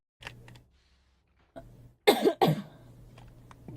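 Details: Two sharp cough bursts in quick succession, with a softer throat sound before them and faint room noise, from a young woman livestreaming a game who mentions having a cold.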